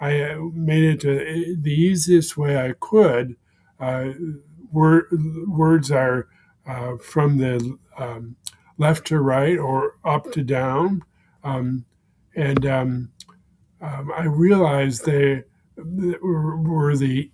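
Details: Man with aphasia following a stroke, present for more than 16 years; aphasia.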